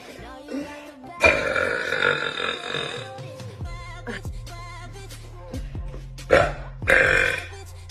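Several long, loud voiced belches over background music, with brief talk between them; burping.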